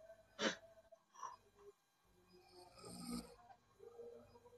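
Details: Person snoring during sleep: a sharp snort, then noisy, rattling breaths that build and fade, with faint room noise behind.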